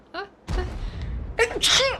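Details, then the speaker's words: Female gamer who says she is about to sneeze at a bad moment: a short squeaky intake, an explosive burst, then a high-pitched voiced sneeze with a tail over faint room noise; sneezing. "Блин очень не в тему чихнула и сейчас буду чихать Будь здорова заранее"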